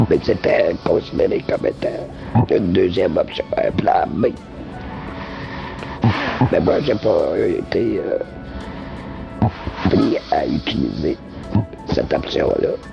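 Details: Laryngectomee using esophageal speech (air injected into the esophagus) rather than a voice prosthesis, for almost 27 years, after 6 months of voice rehabilitation.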